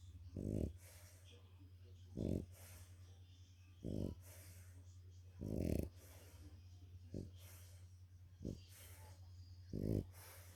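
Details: French bulldog napping, tired after a walk, snoring: short, somewhat irregular snorting snores, about 40 a minute, over a steady low electrical hum.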